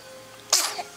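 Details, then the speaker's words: Baby gives a single short, sharp burst of air after a brief quiet moment while being talked to in the morning; sneezing. "bless you hello what happened did you sneeze you did was that a sneeze"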